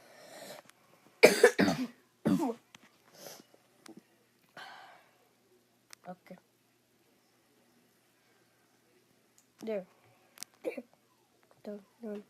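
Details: Person who says they are sick, talking while playing a game: several short harsh coughs in a quick cluster, then quieter coughs and throat sounds between pauses; recurring cough from illness.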